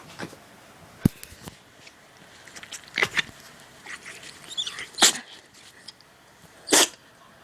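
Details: Dog sneezing: several short, sharp nasal bursts, irregularly spaced, over room noise.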